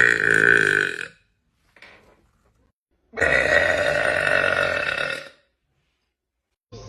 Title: #burpgirl #burp #burping #burpqueen #belch #belching #eructo #eructos #rutto #arroto #rülpsen